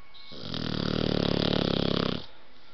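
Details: One long, low, rattling snore on an in-breath from a sleeping blue nose pitbull puppy; snoring.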